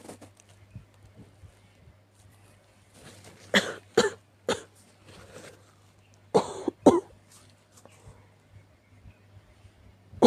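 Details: Sick cat coughing: a quiet room, then a run of short, forceful hacking coughs and a second sharp burst.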